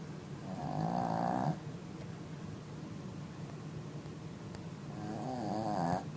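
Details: Sleeping female dog, who also snorts when awake: two drawn-out, vibrating snores with steady room noise between them; snoring.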